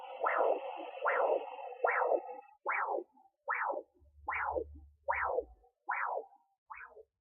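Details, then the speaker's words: Mother's arterial pulse, not the fetal heartbeat, at 13.2 weeks pregnant on a Sonoline B home fetal Doppler: rhythmic whooshing pulses at about 74 a minute. "I believe that is an artery"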